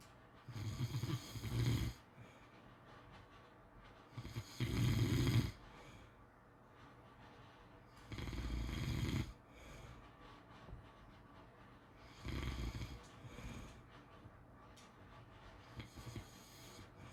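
Four low, rattling snores about four seconds apart, around 16 a minute, with quiet breathing between. Rhythmic sleep snoring.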